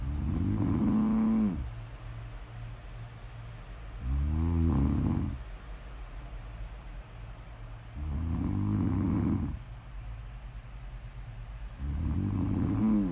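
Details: Snore audio recording: low rumbling snores, about four in 13 seconds with quiet gaps between, a steady sleep snoring pattern.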